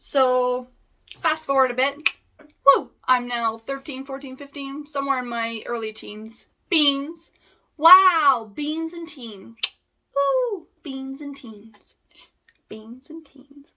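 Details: Vocal tics in an adult woman with Tourette syndrome, including repeated words, full-word tics and coprolalia; her tics increased after she stopped taking her medication.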